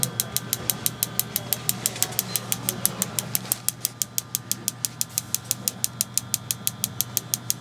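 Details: Shockwave therapy on a substantially swollen ankle, pressure adjusted to patient feedback: steady sharp clicking pulses about 72 per minute with low machine hum and faint voices.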